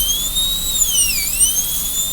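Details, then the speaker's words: High-pitched high-speed dental drill whine, dipping briefly in pitch as it cuts, while repeating the gingival extension for more clearance in a class II disto-occlusal preparation on tooth number 5, in student training. "Drill a hole down that wall. Drill a hole down this wall."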